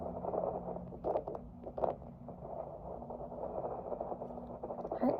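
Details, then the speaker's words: Fetal heart tones on handheld Doppler at 28 weeks pregnancy during a prenatal office visit: muffled whooshing, averaging mid-150s beats per minute, described as very healthy; gel applied before listening. "And then let's listen to baby's heartbeat. Let's get this going here. Very good. Heart tone so far, perfect."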